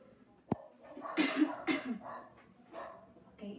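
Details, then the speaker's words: A nursing student, coaching an adult woman, breathes in through the nose and gives two deliberate coughs while hugging a pillow for comfort, demonstrating a voluntary cough in a deep breathing and coughing exercise. "so now hold the pillow like this to provide a comfort and you breathe through your nose and cuff twice like this"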